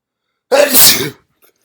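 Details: Deliberately induced sneeze: one loud, explosive, wet sneeze with a sharp onset, followed by a faint sniff.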